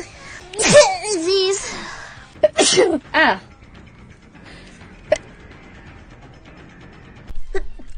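A high-pitched voiced sneeze followed by quick sharp sneeze bursts, with music and brief talk in the background.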